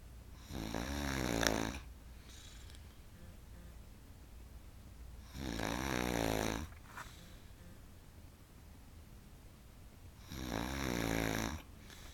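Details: Three loud, buzzing snores about every five seconds, roughly 13 breaths a minute, with steady room noise between; very loud ordinary snoring.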